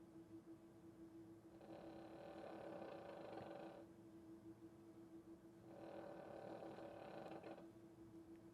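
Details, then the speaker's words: Female Boston Terrier dog snoring while sound asleep, heard in the background of a podcast recording. "my dog snoring in the background I just noticed when I stopped talking and I was like wait what's that noise oh my dog's over there and she is racked out"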